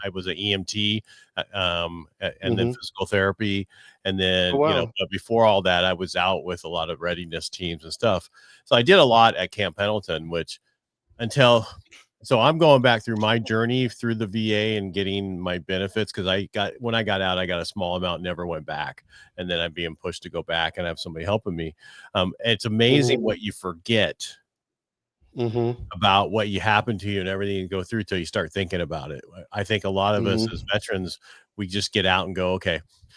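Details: Adult male speaker; typical speech.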